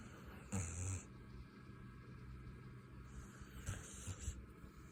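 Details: Puppy snoring while his ears are petted: low, grunting snorts, two louder ones separated by soft breathing noise; loud snoring in a puppy.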